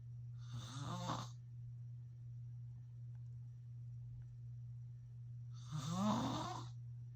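Two loud, rasping snores about five seconds apart over a steady low room hum, typical of heavy snoring in sleep.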